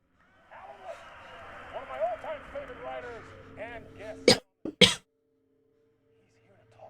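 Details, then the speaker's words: Two short, sharp cough bursts from an adult streamer during a live video game stream, after voices and game audio over steady background hum; cough. "You can hear me cough, so that's great."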